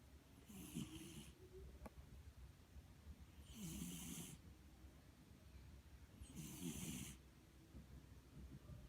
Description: funny cat videos Just a cat asleep snoring like a pig!